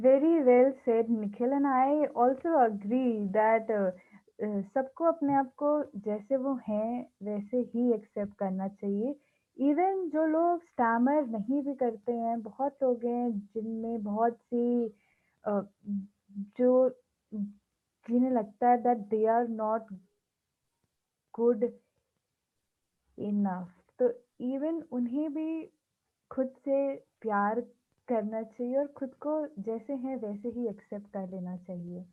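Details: Speech of a person who stammers, hosting a series on people who stammer; stuttering.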